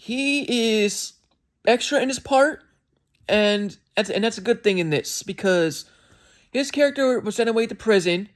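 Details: Self-reported speech impediment in an adult male reviewer, described as sounding like skipping words and not speaking perfectly at times; disfluent speech.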